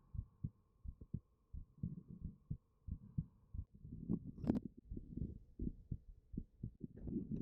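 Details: Normal heartbeat, the recorder's own, recorded with a 3Dio binaural microphone.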